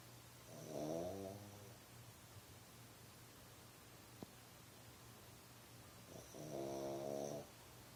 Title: CUTE DOGGY TRYING TO SLEEP! snore snore snore Part 1